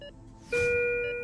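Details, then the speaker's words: A short beep followed by a continuous steady tone: a heart rate monitor's flatline alarm going off during an interview in which the wearer is shown images while his live heart rate is displayed. "feel there's too much in his bank account it's flatlined un let the the alarm went off when we see a briefcase of cash"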